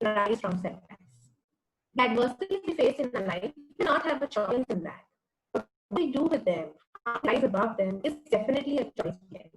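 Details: Adult woman speaking; typical speech.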